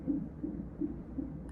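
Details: Fetal heartbeat on belly monitors during hospital induction at 41 weeks with Cervidil after an uncomplicated pregnancy: muffled, rapid whooshing pulses, roughly 150 a minute, in the normal range.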